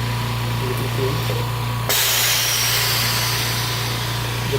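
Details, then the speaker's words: Homemade DIY oxygen concentrator with a 300 ms fill and equalization cycle, its compressor switched on with a cooling fan beside it: steady motor hum with a sudden loud rush of hissing air as a valve switches; oxygen concentrator running. "i'm gonna i'm gonna go into the compressor and this will get it going we're also using a cooling fan next to the compressor"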